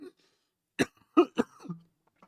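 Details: A quick run of three forceful coughs, the last trailing off into a brief throaty sound, from an adult with an ongoing hacking cough that may be more severe than first thought; a second doctor's opinion is suggested.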